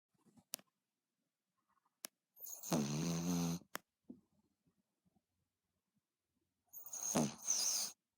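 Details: Dog snoring very loudly, audible from across the room: two rough, rattling breaths separated by several seconds of quiet.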